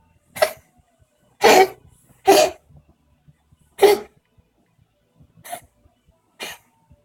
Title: Siamese coughing, possible asthma attack